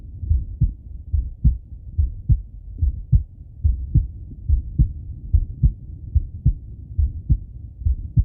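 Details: Male heartbeat and breathing auscultated through stethoscope: regular heartbeat about 72 beats a minute with soft breathing swells underneath; normal heart sounds with quiet breathing.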